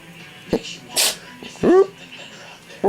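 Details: Cat sneezing after playing with a vibrating toothbrush, his favorite toy: a small, sharp sneeze, then brief vocal sounds, with background music and room noise.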